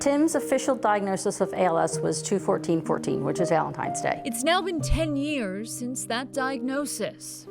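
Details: Adult woman; Typical speech.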